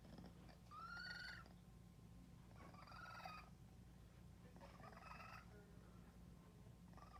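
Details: Expiratory grunt (feline asthma).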